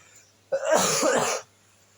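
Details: A single short harsh cough burst lasting about a second in a quiet room, from a presenter reading a report who says they are sick; cough.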